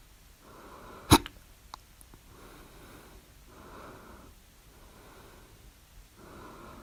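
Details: Hiccup at 3:04 A.M. after overeating at dinner, recorded with the mouth alternately closed and open, and the loudest hiccups with the mouth open; one sharp, sudden hiccup followed by soft, quiet breathing.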